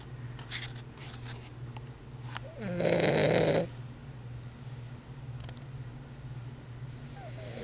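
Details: Weimaraner dog snoring in sleep: a loud snorting snore rises mid-clip over quieter breathing and steady room hum.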